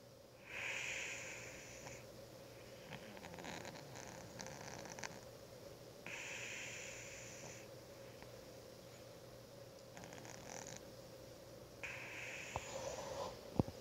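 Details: Female cat snoring while asleep on a desk, likened to a human snore.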